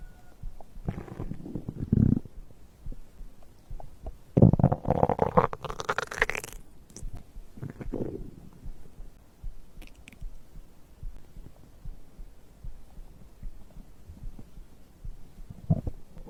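Low gurgling and rumbling bursts with quieter stretches between them: ordinary stomach growling from digestion.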